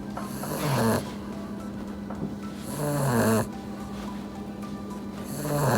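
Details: Puppy napping after playing hard; loud, rattling snores about 25 a minute, with a faint steady hum in the background. Snoring.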